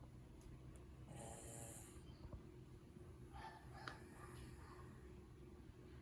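Soft, low, rumbling snores with steady background noise. Typical of a sleeping cat snoring.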